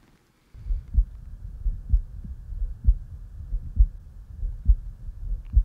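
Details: Standardized patient in an OSCE chest pain/shortness of breath exam, head turned, breath held: regular low thumps about 67 a minute over the neck, no whooshing bruit, Eko electronic stethoscope recording edited for clarity; carotid auscultation without bruit.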